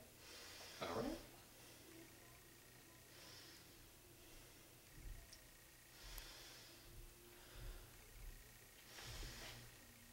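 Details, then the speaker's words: Slow, deep, even breaths through a stethoscope over the chest and back during a physical assessment exam, patient breathing deeply on request: normal bronchial, bronchovesicular and vesicular breath sounds, symmetrical. "okay terrific so i'm hearing uh all of the appropriate breath sounds i should be hearing the uh bronchial the uh bronchovisicular and the vesicular"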